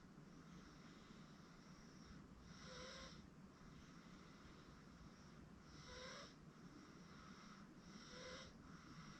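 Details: 8-month-old girl asleep on a futon: soft, regular snoring with each breath, about 20 per minute, over steady room noise; infant snoring.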